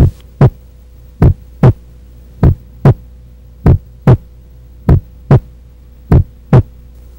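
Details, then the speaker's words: Normal heart sounds, S1 and S2: regular lub-dub at about 49 beats a minute over a steady low hum; the second sound, from aortic and pulmonary valve closure, is higher-pitched and shorter than the first. "o som da segunda dúvida é mais agudo e sua duração é menor quando comparada à primeira bulha o reconhecimento das bundas fica mais fácil quando se permite o ritmo das batidas"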